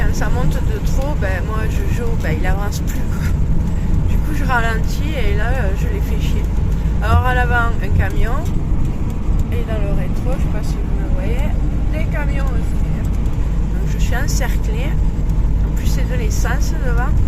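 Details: Adult speaker; normal voice.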